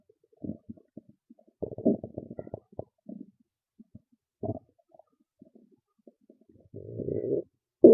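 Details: Loud stomach growls and gurgles: loud irregular abdominal gurgles and growls with short bursts and pauses; ordinary bowel sounds (borborygmi).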